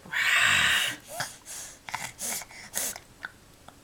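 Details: Oliver, while growling turned into hiccups: one long, harsh nasal snort followed by several shorter breathy snorts and puffs; snorting.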